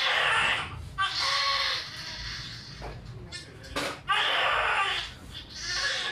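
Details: Loud, high-pitched bursts of crying with brief pauses from a newborn girl just after a normal vaginal delivery, the mother's second baby; a normal first cry.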